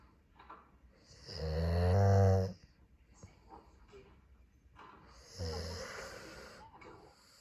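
Two loud, rumbling snores with a low buzzing vibration, separated by quiet pauses; ordinary snoring.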